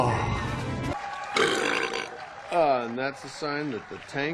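Several voiced, croaky belches with a wavering pitch and some background music, taken from a film scene.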